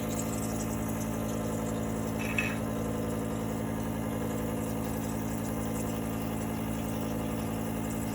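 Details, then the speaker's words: Home nebulizer compressor running, delivering atomized 60% ethyl alcohol onto a surface and the hand for sterilizing instead of medication to the lungs; a steady, continuous droning hum. "now this is a machine that's used to deliver medications to your lungs so you notice delivering medications to your lung it's delivering this alcohol to the surface"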